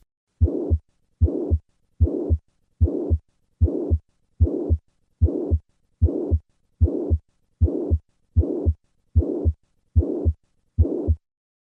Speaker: This pansytolic murmur is classic for mitro regurgitation. One feature that distinguishes regurgitate murmurss from ejection ones is that they tend to go all the way to the second heart sound.